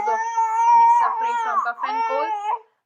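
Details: Baby getting a steam nebulizer treatment with a cough and cold: sustained high-pitched wailing cry from an infant in a small room, a few breaths between bursts; infant crying.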